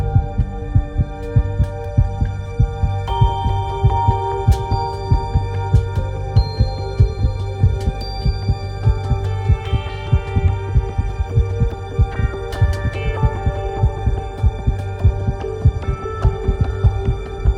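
Steady, regular low heartbeat thumps over a background of sustained music tones; normal heart sounds.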